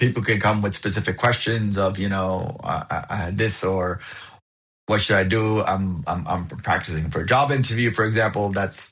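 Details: Adult who stutters, overt and covert stuttering with speech blocks discussed, found a support group at 28 and now accepts it; audible repetitions; stuttering.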